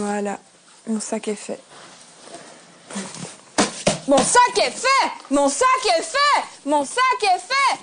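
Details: Palilalia (phrase repetition) in a 24-year-old woman with Gilles de la Tourette syndrome, with motor and vocal tics that worsen with emotion and stress; she repeats a French phrase several times.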